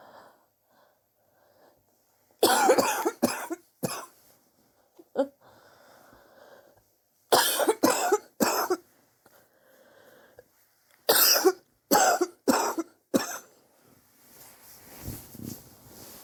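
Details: Three bouts of harsh coughing, three or four quick coughs each with breaths between; persistent cough over several weeks, self-suspected bronchitis, sore from coughing, chest X-ray planned to check for pneumonia.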